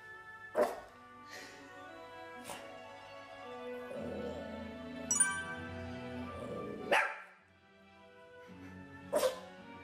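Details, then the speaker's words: Several short, sharp nasal bursts from a dog, heard over music. These are play sneezes, which a veterinarian notes can come out as a kind of emotional expression; this is a normal sign of excitement. "재채기를 포함을 한 이런 호흡 사운드들이 일종의 감정 표현으로도 좀 나오는 경우가 있더라구요"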